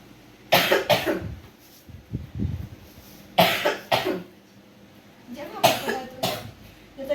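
Acted coughing: three bouts of two sharp coughs each, about six coughs in all, in a quiet room.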